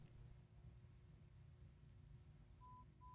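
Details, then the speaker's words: Apple AirPods Pro 2 in-ear hearing test, audiologist taking it himself in a quiet room, left ear; tones at varying volumes and frequencies like an audiogram; two brief steady pure tones near the end; pure-tone hearing test tones. "then it's going to play tones at different volumes and frequencies just like an audiogram"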